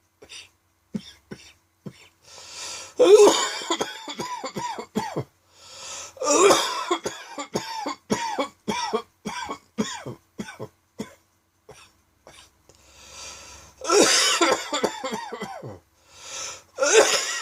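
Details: An adult's unexpected evening fit of dry, tickly cough: repeated dry hacking bouts with brief breaths and throat clearing between them.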